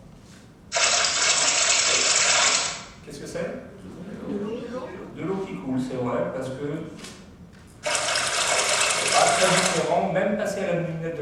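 Harsh, hissing, noise-like bursts with little recognisable detail: everyday sounds heard through a cochlear implant simulation.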